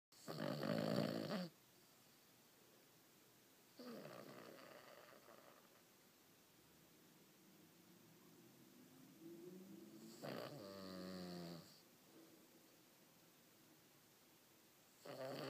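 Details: A sleeping dog snoring in slow cycles, about four breaths a minute, with rattling snores alternating with quieter whistling breaths.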